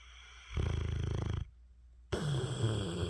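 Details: Mastiff dog asleep, giving a low, rumbling, fluttering snore on one breath, then a pause and a noisier breath; snoring.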